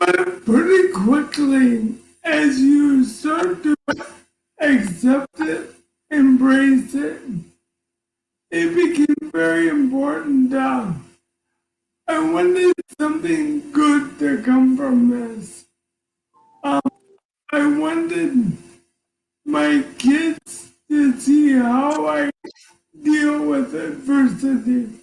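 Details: Man diagnosed with ALS in September 2019 at age 54, about 18 months before recording; he reports ALS is affecting his voice and making him hard to understand, with his wife interpreting; dysarthria in ALS.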